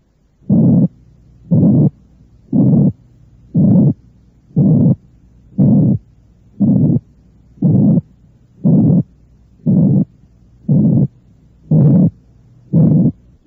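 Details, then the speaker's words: Simulated medium-pitched rough murmur made from a 180–460-cycle frequency band, the harsh murmur associated with aortic and pulmonary stenosis. "si tomamos una banda comprendida entre 180 y 460 ciclos obtenemos el soplo áspero que asociamos con la estenosis aórtica y pulmonar"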